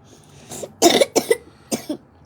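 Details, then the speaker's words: Child who came back from school with a cough; a short run of three to four dry, harsh coughs in quick succession. "came back home with a cough so i'm gonna have to separate you from athena so you don't give athena a cuff"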